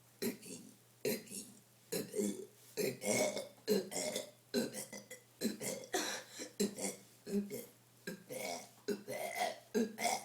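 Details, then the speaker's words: A child doing a burp challenge after drinking gives a rapid run of over a dozen short, voiced belches in ten seconds, some strung together; repeated deliberate burping. "I am epic at burping, guys. Absolutely epic. Here I go."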